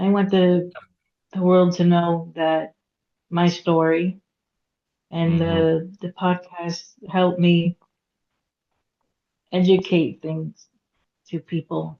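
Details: Aphasia in a woman after a hemorrhagic stroke at age 36 in September 2018; she could not talk for 2 years and now speaks after recovery.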